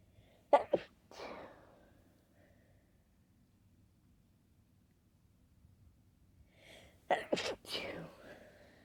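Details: Late-night sneezing fit: two clusters of muffled, stifled sneezes held back to stay quiet, separated by quiet, each with a short sharp burst and breathy follow-through, later becoming vocal.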